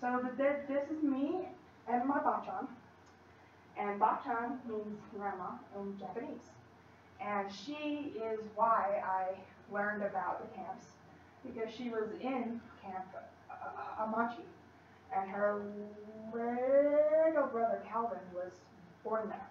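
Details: Female college student who stutters, giving a practice presentation to 10-15 people at her speech therapy clinic; stutters more before unfamiliar people or large audiences and works with a speech-language pathologist on a technique; stuttering.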